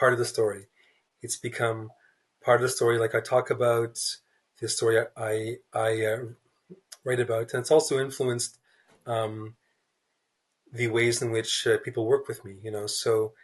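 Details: Adult man, a writer who describes himself as a person who stutters, in a real interview; stuttering.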